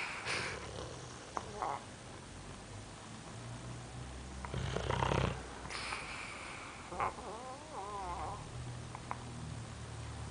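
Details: Boxer dog snoring while asleep: soft, irregular snuffling snores and snorts with faint room noise.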